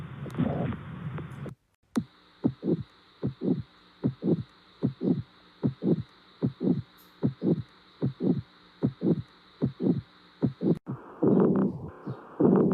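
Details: Regular lub-dub heartbeat at about 75 beats a minute with normal first and second heart sounds; normal heart sounds.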